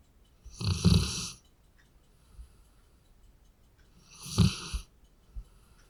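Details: Sleeping large dog, a Labrador: two rough, rattling snores on the in-breath, about three and a half seconds apart, with quiet pauses between.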